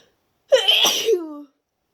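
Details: Deliberately induced sneeze after a long break from inducing, with the nose itchy and tickly: a single loud, wet, explosive sneeze with a voiced tail as it ends.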